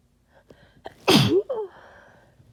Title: More harsh sneezes from my cold